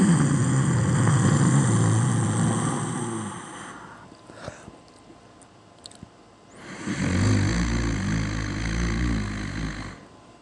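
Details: Two long, loud, harsh vibrating snores separated by a quiet pause of a few seconds; heavy snoring.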